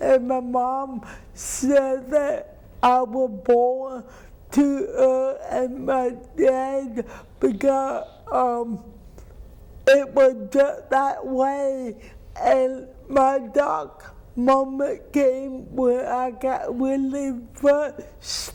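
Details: Dysarthria from cerebral palsy in an adult woman who says people do not always understand her.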